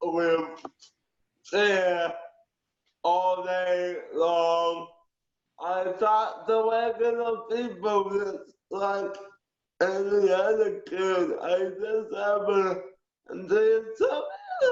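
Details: Aphasia with cerebral palsy in a male; understands well but speech delayed, goes off on tangents; answers fragmented and hard to follow. Aphasia.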